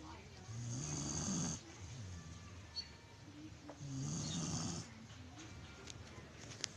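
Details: Loud, rough snoring from a sleeping dog: two long rattling inhalations with quieter breathing between them.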